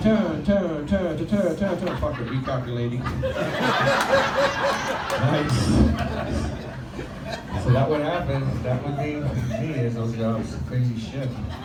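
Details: Stuttering in an adult male comedian performing live on a microphone; he has stuttered since childhood and had 15 years of speech therapy, and says it is milder on a microphone and worse when nervous, especially on vowel-initial words like 'I'.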